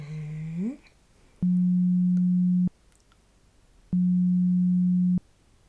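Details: Simulated pure-tone hearing test beeps in an ASMR ear-exam roleplay: two steady low beeps, each about a second long, with a pause between, added in editing while the listener counts the beeps.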